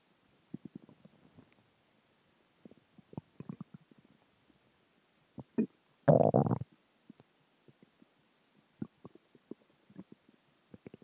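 Quiet, irregular gurgles and a louder rumbling growl, ordinary stomach growling from gas and fluid moving through the gut.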